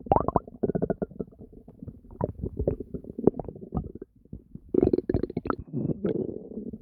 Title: Constant gurgling and deep growls [Stomach noises]